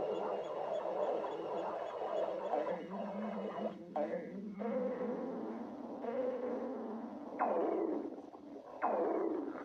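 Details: Long rumbling, watery bubbling stomach gurgles ending in two rising-and-falling squealing growls: stomach growling (borborygmi) from a girlfriend's abdomen.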